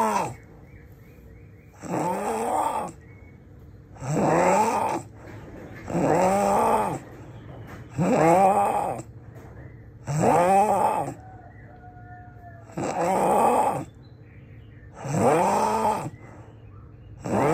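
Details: Loud, rough, vibrating snoring on each inspiration, about 28 per minute, with quieter expirations between snores.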